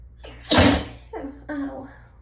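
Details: Person with hay fever who has felt a sneeze brewing all day, nose raw from rubbing: a catching, hitching breath in, then one forceful sneeze and short gasping breaths after; hay fever sneeze, part 1 of 2.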